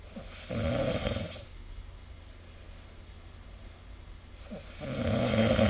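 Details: Snoring recorded with the SnoreLab app: two loud, rough, fluttering snores on breathing in, separated by a quiet breath out; ordinary heavy snoring.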